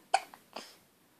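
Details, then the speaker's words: Two abrupt, brief catching sounds half a second apart, each a sharp little hic with a faint trailing breath: hiccups in a 10-day-old baby. "oh gosh oh poor baby has hiccups oh no oh"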